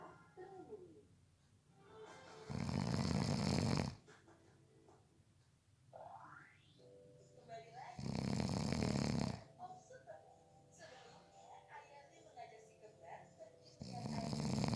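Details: A person napping gives loud, rough snores, three in about fifteen seconds, rattling on each in-breath over quiet background music: ordinary snoring during sleep.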